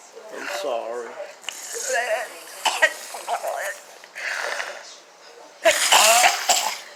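An adult woman coughs in several short, harsh bursts, with voiced sounds and strained breathing between them.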